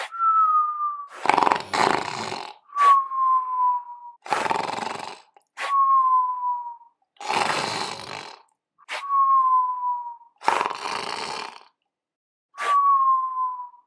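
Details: Stop-motion animation sound effect, not a real sleeper: rough rattling inhaled snores alternating with a falling whistle on each exhale, about five cycles; cartoon snoring.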